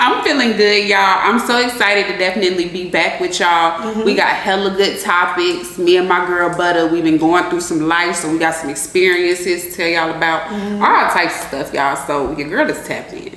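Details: Adult woman speaking; normal speech.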